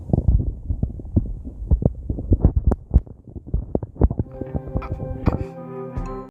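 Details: Irregular low gurgling rumbles and bubbling pops of stomach growling (borborygmi) during crying; steady tones, likely music, join in the last seconds.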